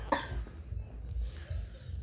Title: Cough sounds like motorcycle